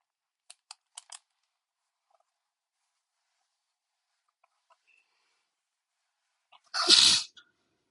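A few faint clicks, then one forceful sneeze near the end of an otherwise quiet stretch.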